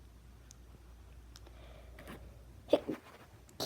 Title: Sneezing from perfume 🤧🤧